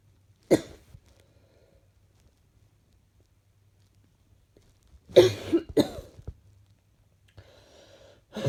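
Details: Slightly chesty cough someone woke up with in the morning.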